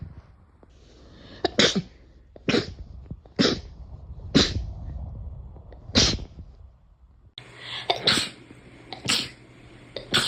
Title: sneeze 81-90